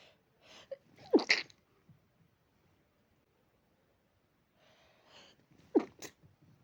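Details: Dog with allergy: two bursts of quick, sharp nasal sneezes a few seconds apart; repeated allergy-related sneezing.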